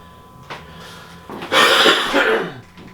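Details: An adult with ongoing allergy symptoms and nasal congestion or drainage gives a single harsh, throaty cough that trails off, close to throat clearing.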